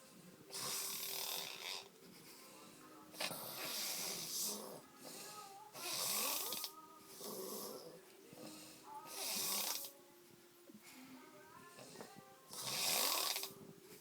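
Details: Drunk man passed out snoring: loud, harsh, hissing snores in repeated bursts with snorting and whistling between; heavy snoring.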